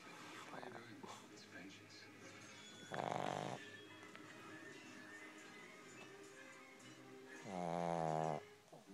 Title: Pinky snoring